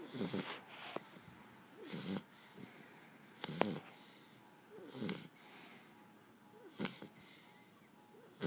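Rhythmic, noisy snorting snores with each breath from a sleeping dog, about 37 breaths a minute.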